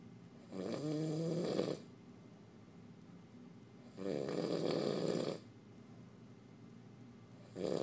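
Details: Male sleeping in the dark when tired: slow, regular rattling snores on each breath in, about every 3.5 seconds, with quiet breaths out between; snoring.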